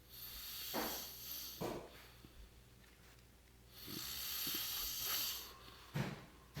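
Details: Adult brother snoring while asleep; he denies snoring, and is said to need a CPAP machine: irregular, rough snorting snores with uneven gaps, over a steady room hiss.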